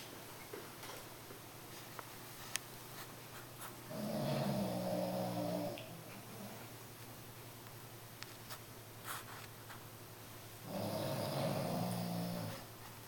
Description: Sophia the french bulldog is just snoring away. She sleeps next to me while I work so this is what I get to listen to all day!